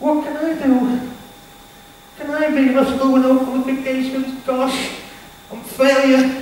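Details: Stuttering (stammer) in a male motivational speaker, who was referred to a speech therapist.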